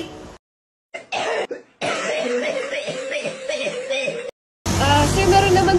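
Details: Simulated pharmacy role-play: adult acts a cough, a couple of short bursts then drawn-out rattling throat-clearing, like a wet cough, also reporting mild sore throat; productive cough (acted).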